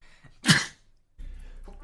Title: [smp Sneezing]